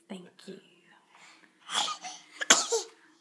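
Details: Pet sneezing: soft talk, then a couple of sudden, sharp bursts of air in a small room, sneezes.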